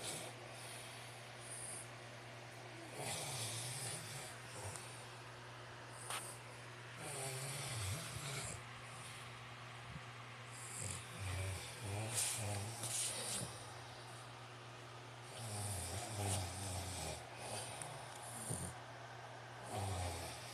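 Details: Snoring contest between a man (the louder snorer) and a female pet ("furbaby girl", the later snorer): repeated low, rattling, irregular, overlapping snores during sleep over a steady background hum.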